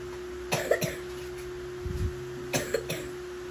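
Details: A young child, the little brother, is sick with a cough and is to be taken to the doctor: two short bursts of two or three coughs each over a steady background hum.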